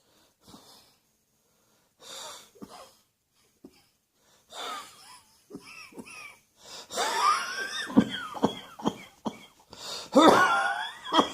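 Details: Repeated short coughs that build into harsh coughing, with wheezy, whistling breaths in between, attributed to allergies: allergy cough with wheeze.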